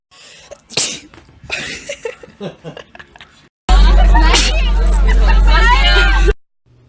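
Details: A person sneezing: a sharp sneeze burst among short noises, followed by loud distorted music.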